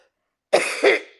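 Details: Person, recently feeling something go down the wrong pipe while blowing the nose: two harsh, throaty coughs in quick succession, like clearing something that went down the wrong way.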